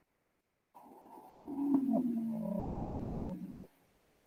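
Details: Wheeze (imitated).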